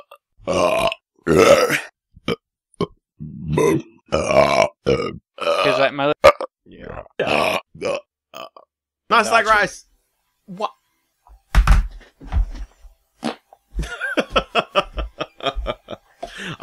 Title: burp file